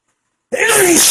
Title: cold sneezes (male)